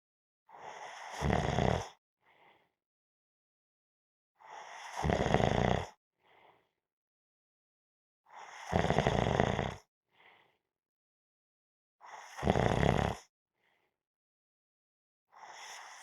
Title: Napping -Snoring Sounds